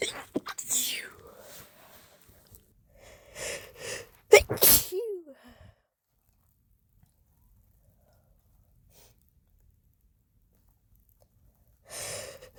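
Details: Sharp inhalations followed by two or three explosive, harsh sneezes, then silence. Induced on first use of chhinkni sneezing powder, helped by a rolled napkin in the nose; stifling was attempted: repeated sneezing.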